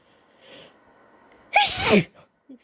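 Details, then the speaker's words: Female with an itchy nose, possibly from allergies, coaxing out an induced sneeze: soft breathing, then one sharp, loud sneeze with a falling voiced tail and a small sniff: sneezing. "My nose is itchy for I don't know what reason."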